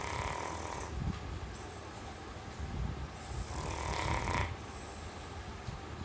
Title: My dog (Kanny) is snoring like men - funny video